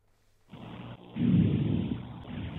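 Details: Stethoscope over the front of the chest while the patient takes deep breaths in and out through the mouth: soft, low rustling airflow, normal vesicular breath sounds, simulated.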